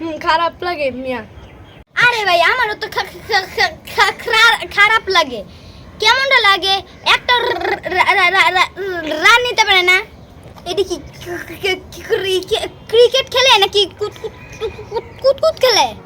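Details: Acted stuttering by a male performer in a Bengali comedy skit who, in character, claims to have stuttered since childhood; stuttering (acted).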